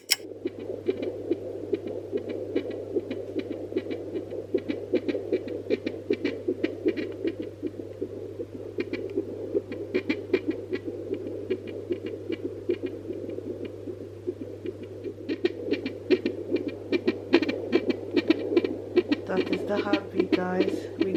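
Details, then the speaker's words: Fetal heartbeat heard by a pregnant mother using a home fetal Doppler with ultrasound gel while lying down: rapid, regular whooshing pulses near 150 per minute, within normal range. "it takes a bit of fiddling but eventually if you understand the concept of where baby's heartbeat should be it makes sense"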